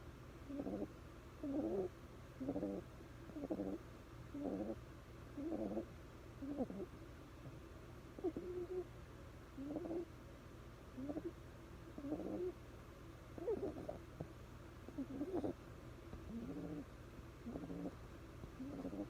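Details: Sleeping bulldog puppy with gentle snoring: soft, quiet snuffling snores with small squeaky, cooing breath sounds, about one per second.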